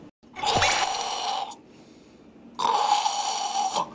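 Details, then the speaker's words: Expert imitates throat snoring, an obstructed sound from the throat rather than the nose; two harsh, rattling inhaled snores; throat snoring (imitated). "내 목에서는 안 했어요 목에 막힌 소리 이건 뭐 꼬리 라고 하거든요"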